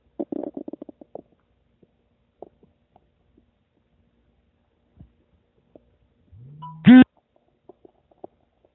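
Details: A person's own stomach noises: bubbling, gurgling bursts, then a rising, squeaky growl from the belly; ordinary rumbling (borborygmi) from gas and fluid moving through the gut.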